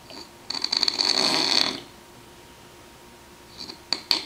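A single noisy, whistling snore lasting just over a second, then short softer sounds; snoring with a whistling, high-pitched quality.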